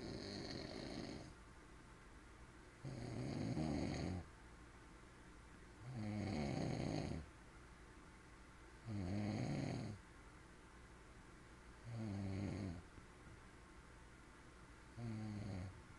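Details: Man sleeping on a couch at home, snoring: steady, regular rattling snores on each breath in, about 20 breaths a minute, with quiet breaths out between.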